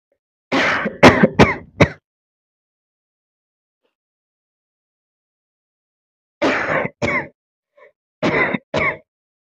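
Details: Two bursts of deliberate coughing, about eight coughs in all, somewhat wet and congested; acted coughs by a person with a cold and congestion.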